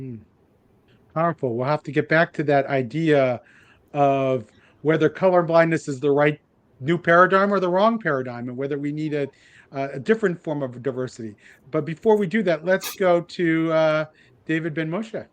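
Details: Adult man speaking; Normal speech.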